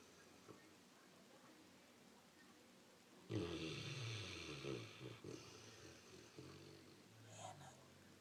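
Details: Sleeping Great Pyrenees dog snoring in a quiet room: a burst of low rumbling, snorting breath noise, then a softer snort near the end; dog snoring.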